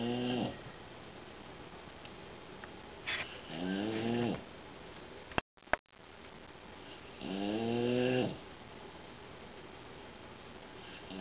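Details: Snoring in a sleeping boxer dog; loud, throaty snores with a buzzing, fluttering tone, each breath drawn in slowly, about three cycles heard.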